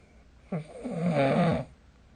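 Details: A single loud, rattling snore on one in-breath, about a second long, from a sleep recording with the SnoreLab snoring app on 2025/03/27; snoring.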